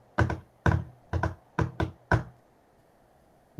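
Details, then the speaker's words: An adult taps rapid clustered knocks by hand to mimic a gallop rhythm, the third and fourth heart sounds heard together in heart failure, described as occurring with tachycardia over 100 beats per minute. "ya van a ver que cuando está el tercero o el cuarto ruido los dos a la vez en insuficiencia cardíaca se llama ritmo del galope y se siente así"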